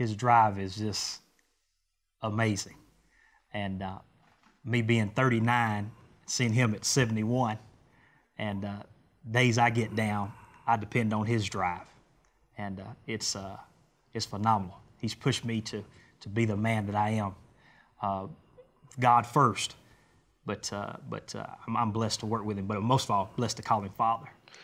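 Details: Adult male speaker; normal voice.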